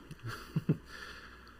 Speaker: Charlotte. Charlotte, stop that noise. My dog Charlotte is snoring.